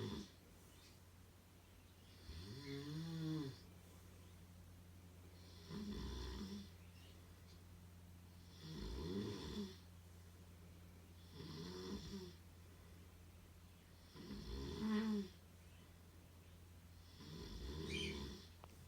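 Six loud, rough snores in about 19 seconds, one roughly every three seconds, over a steady low room hum. Ordinary snoring.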